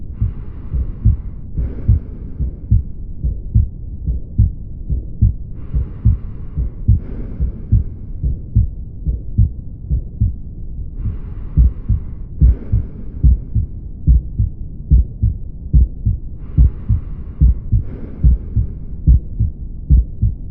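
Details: Aortic stenosis murmur on auscultation: regular heartbeat about 72 a minute with a harsh sound filling the gap after each first sound.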